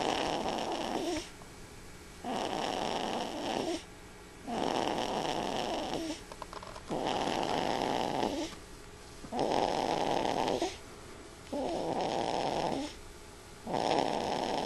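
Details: Steady rasping snores on each in-breath, about seven cycles with quiet out-breaths between, roughly 27 breaths a minute; ordinary snoring.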